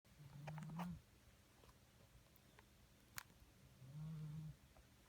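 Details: Pet sleeping on a windowsill: two low rumbling snores about three seconds apart, with faint clicks between, in a quiet room; snoring.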